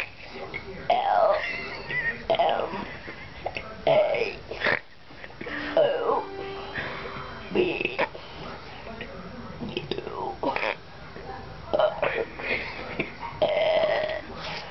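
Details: A child deliberately burping the alphabet: a run of voluntary voiced burps shaped into letter sounds, one after another, with faint background music.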